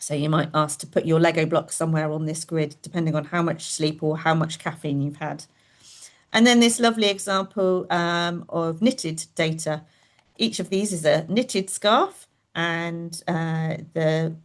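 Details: Adult woman speaking; normal speech.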